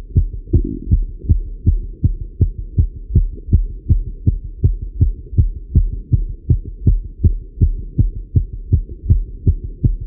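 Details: Male heartbeat recorded while riding a bike: regular, strong low heartbeats at about 160 a minute; normal heart sounds with exercise tachycardia.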